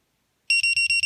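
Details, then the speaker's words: Snuza Hero baby movement monitor clipped to diaper, alerting after no movement detected for 15 seconds: loud, high-pitched rapid regular electronic beeping; movement monitor alarm. "if it does not detect any movement within 15 seconds it'll alert you so it's vibrating right now"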